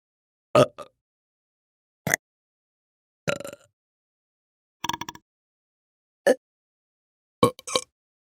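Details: Human burping sound-effect recording: six short, separate belches with silence between them.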